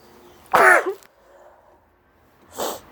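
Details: Person with hay fever sitting outside in high pollen, possibly coming down with a cold: a sharp explosive sneeze followed by a softer second burst; sneezing.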